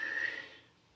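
A brief nasal snort with a faint whistle fades quickly, fitting a simple vocal tic in Tourette syndrome.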